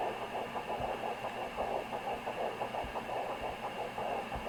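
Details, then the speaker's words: Fast, rhythmic whooshing fetal heartbeat through hiss on a home Sonoline B fetal Doppler in a pregnancy after stillbirth; it is mixed with another swishing sound, and the device reads 120, which the user distrusts. "it's very fast it's mixed right now with another sound like i was saying earlier okay that's the heartbeat"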